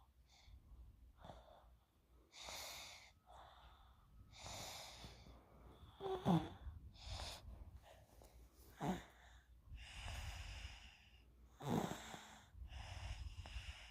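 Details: Sleeper out like a light: irregular snorting, wheezy breaths and nasal snuffles during sleep; snoring.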